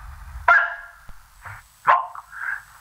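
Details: Bark-like vocal tic from a man with severe Tourette syndrome whose tics began at about age 10.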